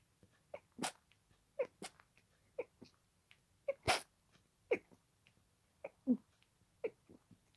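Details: Paroxysmal sneezing fit, a continuation of an earlier fit, lasting about 20 minutes at this speed: a rapid run of about a dozen short, sharp sneezes in quick succession.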